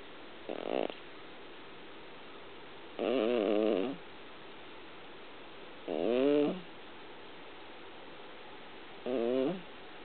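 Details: Brown American Shorthair cat sleeping and snoring loudly: four loud, buzzing snores about every three seconds, roughly 20 a minute.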